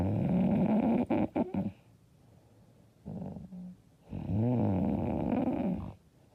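Loud, rough, rattling snoring sounds in irregular bursts, some with a voiced groaning quality, between quiet gaps; heavy snoring during sleep.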